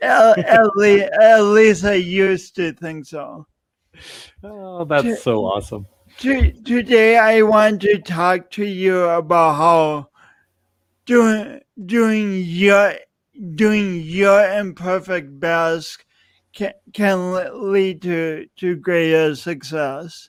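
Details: Adult male speaker; speech impediment (stuttering-like disfluency).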